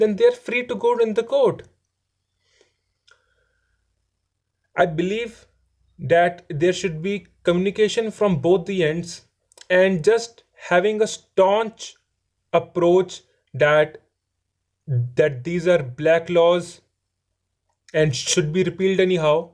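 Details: Adult male who says he stammers and is improving; stuttering (stammering).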